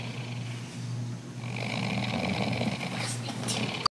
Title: snoring